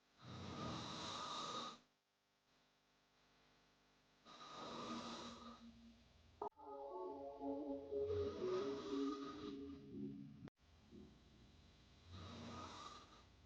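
Loud, rough inhaled snores recurring about every four seconds, with a tonal sound between them; a snoring sound effect.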